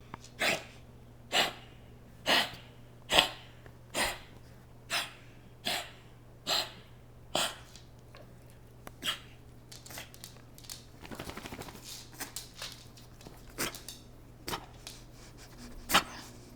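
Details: Beagle dog with bronchitis, about two days into treatment with antibiotics and antihistamines: run of sharp, harsh coughs, then softer rattly wheezing breaths and a few more coughs.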